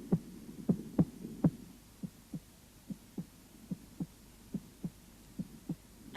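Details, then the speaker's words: Normal heart sounds on cardiac auscultation, regular paired sounds at about 70 beats a minute. "в норме на верхушке первый тон громче второго первый систолический тон состоит"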